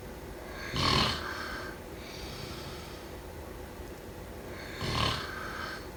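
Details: Two rough, rattling snores on the in-breath with quieter breathing between, over steady room hiss; snoring during sleep.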